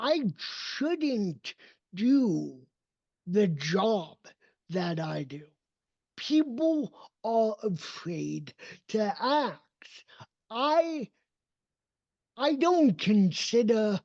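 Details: Adult male with cerebral palsy, a neurodevelopmental disability affecting his motor development and movement; real, not acted; dysarthria (cerebral palsy).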